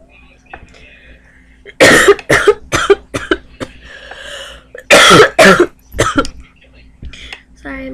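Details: Coughing while talking in a quiet room: two runs of loud, harsh coughs, several short bursts each.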